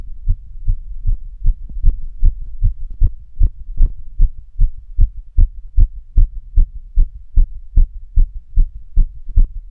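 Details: Steady, regular low thumps at a fast pace, roughly 150 a minute, over a low hum, recorded while the person was being active: a normal heartbeat quickened by activity.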